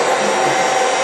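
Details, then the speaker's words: Steady, loud rushing air from a mechanical insufflator-exsufflator (cough assist) delivering high-pressure breaths through a mouthpiece to a man with high spinal cord injury, breath in then out. "So if you watch the dial on the next you'll see the breaths being delivered."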